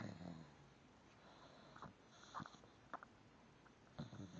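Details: Dog snoring while asleep: a few soft snorting snores against low room noise.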